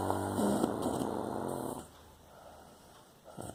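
One loud, rough, vibrating snore lasting nearly two seconds, followed by quiet breathing. Ordinary snoring.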